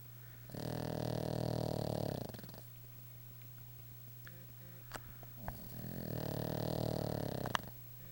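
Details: Snoring during a nap: long, loud, rattling snores on each breath, two in eight seconds, over a steady low hum with faint clicks between them.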